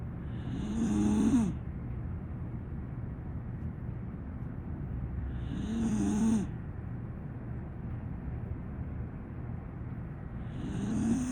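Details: A sleeping small pit bull ("pocket pittie") dog snores in slow, regular rattling bursts, about 12 breaths a minute, with quiet pauses between: snoring.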